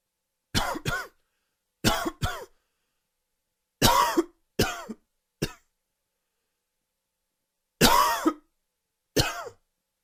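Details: A fit of about nine short, dry coughs in clusters, some with a faint wheezy, whistling edge, attributed to allergies: dry wheezy cough.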